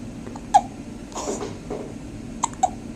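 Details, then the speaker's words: Infant girl aged 1 month 10 days with hiccups before her bath: short, sharp little hiccups, about three in three seconds, over quiet room noise. "has the hiccups right now. Poor girl."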